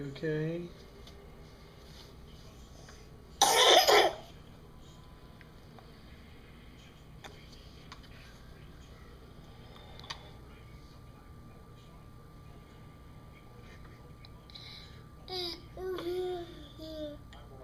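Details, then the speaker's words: A child, on cough medicine, gives a single harsh cough in a quiet room with brief voice sounds around it; cough. "Do you wanna go lay down, buddy? Or cough? Oh, excuse you."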